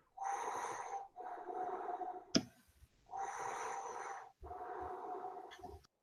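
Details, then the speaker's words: Normal vesicular breath sounds (murmullo vesicular) of a patient without respiratory disease: soft, rustling breathing in two even in-and-out cycles with no added sounds. "eso es como el ruido que vamos a ocultar díaz en un paciente que no tiene patología respiratoria y ese ruido se llama murmullo murmullo vesicular con que corta vesícula pero no viene de vesícula se le dice así de esa manera entonces el murmullo vestibular puede ser tráquea o bronquial y es normal es"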